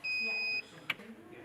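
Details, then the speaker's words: Steady high-pitched electronic alarm tone then a short beep from a negative pressure wound therapy (TNP) pump after the canister was changed to simulate a full canister; high pressure alarm. "so Ford's massively just had the high pressure alarm and you can hear that also a bit audible alarm"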